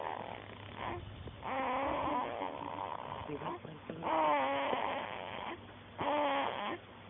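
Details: Baby snoring after dozing off in his mother's arms: irregular voiced, slightly squeaky snoring sounds in bursts, roughly 30 a minute.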